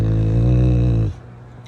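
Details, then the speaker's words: One long, loud, low rumbling snore on inspiration, then quiet: a sleeping Rottweiler snoring heavily; the owner jokes about sleep apnea, unconfirmed. "This little punk was snoring so bad last night. Him, I had to sleep on the couch."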